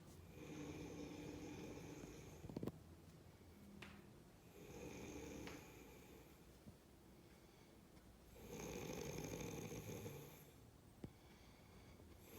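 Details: Three long, rough, rattling breath sounds about four seconds apart, roughly 15 breaths a minute; snoring during sleep.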